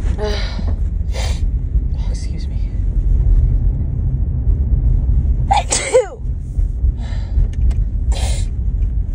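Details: Woman with cold or allergies: a sneeze with sharp in-breath plus several hissy bursts over loud low rumble; repeated sneezing.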